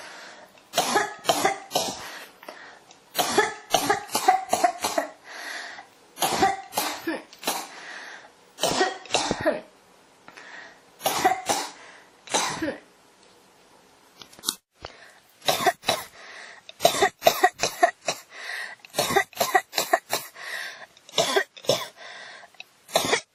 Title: 咳が止まらない 25 cough